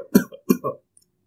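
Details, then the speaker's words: Dry cough demonstrated by a pediatrician, typically suggesting upper airway involvement such as pharynx and larynx, in contrast to wet cough. "So generally dry coughs suggest the involvement of upper airway that may include pharynx and larynx also, and wet cough shows the involvement of the lower airway and it may be showing the involvement of the endobronchial tree also. The dry cough sounds like this"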